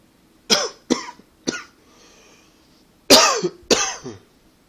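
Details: Five short, dry, hacking coughs in two bouts in a quiet room, from a persistent throat tickle that the person attributes to allergies and partly to smoking.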